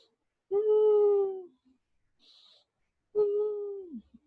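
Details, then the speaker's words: Imitated asthma wheeze demonstrated during a first-aid/basic life support talk by a medical student: two drawn-out, musical whistling breath sounds, the noise suggesting asthma rather than other breathlessness. "kalau pasien asma itu kita Curiga dengan ada suaminya Soalnya waktu nafas ada suara ini"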